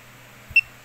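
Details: Pulse oximeter on an older man's finger, reading pulse rate 65 (normal) with oxygen level shown: regular pulse beeps tracking the heart rate.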